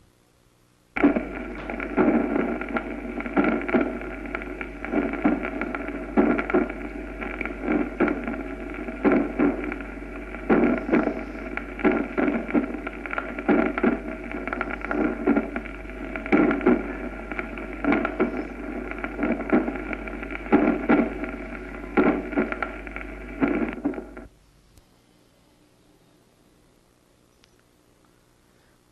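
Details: Variable first heart sound in complete heart block, best heard at the lower precordium and apex; S1 is normally an intense, long, low-pitched "lub" following the long diastolic pause.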